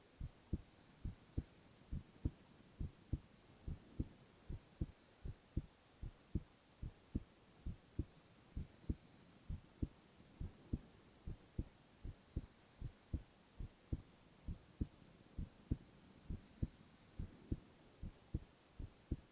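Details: Silent ASMR recording of a male's continuous heart sounds: steady, regular lub-dub at about 70 beats a minute with no other sounds; normal heart sounds.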